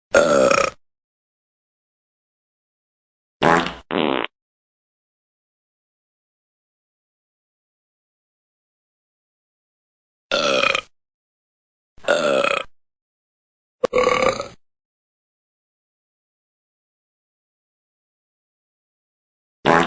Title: The Talking Cats Burping